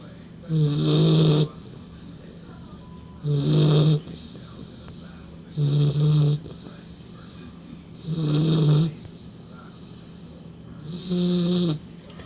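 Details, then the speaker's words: A sleeping puppy snoring: five loud, low, rattling snores in about twelve seconds, one with each breath, separated by quiet pauses. "stop snoring. Hey, stop snoring."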